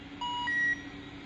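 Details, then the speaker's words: Calibration button press on a handheld IABP Doppler unit (Maquet Datascope) with probe: two short electronic tones, a lower then a higher one, the calibration beep. "This is the probe. This is the calibration button,"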